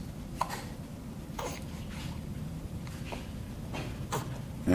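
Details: Three-week-and-one-day-old infant with hiccups: small, abrupt catches repeating about every second against room noise, while arms and legs move constantly; hiccups.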